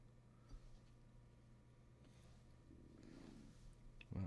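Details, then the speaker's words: Adult man's stomach growling while painting, picked up by the microphone: low, irregular gurgling rumbles over steady room hum, ending in a louder burst; ordinary borborygmi. "it's funny when as I hear my stomach growling I can see the mic on the uh dashboard here is picking it up so I don't know if you guys can hear that but certainly the mic might be in the videos the mic can is uh the microphone is picking up my stomach growli"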